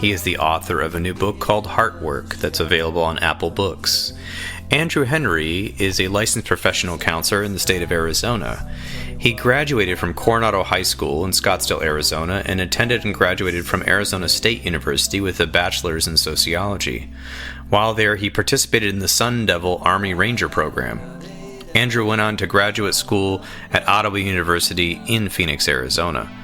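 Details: Adult male speaker; normal speech.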